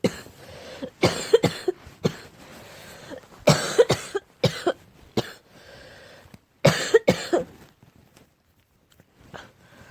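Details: Repeated harsh, hoarse cough bursts in clusters with quiet gaps, from an allergic reaction to cats; barking cough.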